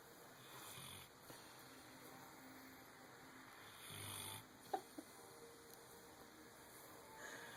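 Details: Dozer snoring: soft, low snoring breaths recurring every few seconds over quiet room noise; ordinary sleep snoring.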